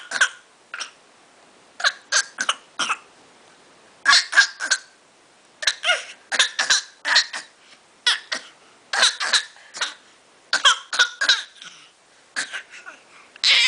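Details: A young child makes repeated short, breathy, forced coughs in quick clusters, imitating her recently sick father as a way to communicate: a pretend cough.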